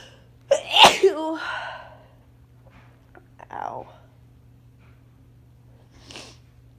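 One loud explosive sneeze with a sharp intake before it, then quieter breaths and a soft exhale; sneezing during a cold.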